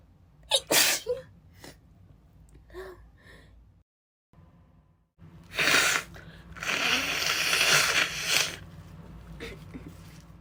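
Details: Adult woman, still a little sick, sneezing unsuppressed: a run of about three forceful, breathy sneezes with a long hissing spray, a sneezing fit.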